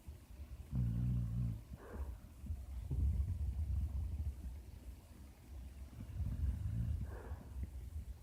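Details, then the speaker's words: Female dog snoring while asleep, possibly dreaming, before she wakes up: deep, rumbling snorts repeating every few seconds over low background noise; snoring. "she's a little hippo just woke up that's how these dogs are hey girl hey you were snoring what were you dreaming about"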